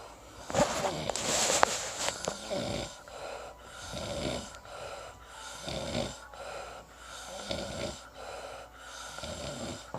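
Repeated rough, fluttering snores on each in-breath, about every two seconds, after a louder noisy start; steady snoring during sleep.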